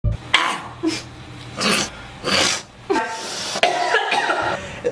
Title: coughing fit